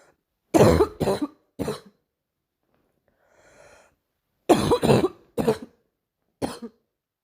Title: another morning cough